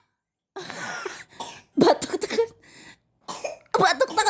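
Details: A child coughs while eating, followed by passing gas.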